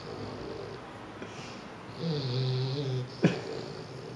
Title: Funny Snoring Puppy Bulldog